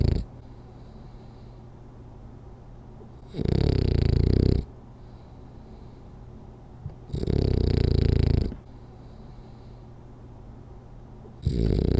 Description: Rolly the French Bulldog snoring during a 10 minute power nap.